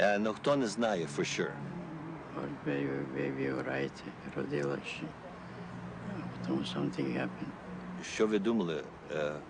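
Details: Man who has stuttered since he began speaking, with repetitions and broken phrases; lifelong developmental stuttering.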